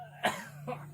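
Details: Effective cough demonstration by an adult male patient sitting up, hands on his abdomen, after counted deep breaths (1-2-3) to bring up phlegm: two short, forceful coughs over a steady low hum.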